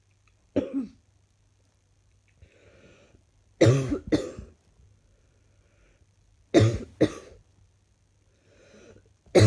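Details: Waking in the morning with slightly chesty coughing.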